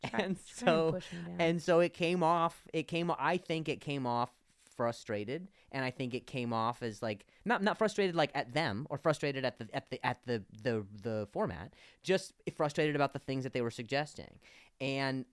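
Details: Stuttering in an adult male comedian and podcast host who stutters.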